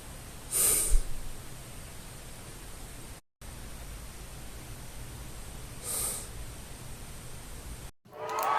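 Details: Quiet sleep breathing without snoring while wearing a 5th-generation MTM tongue-guard oral appliance for snoring and sleep apnea (after recording): soft breaths over steady low room hum.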